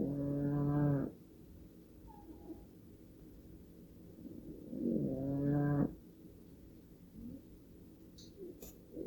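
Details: Very old female cat in very deep sleep, snoring loudly enough to sometimes wake herself: two drawn-out, tonal, groaning snores several seconds apart with quiet breathing between.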